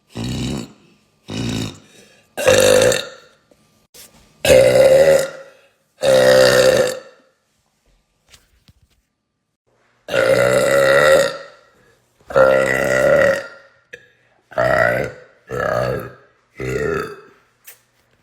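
A series of about eleven loud, drawn-out voiced belches from several people, separated by short pauses: repeated burping.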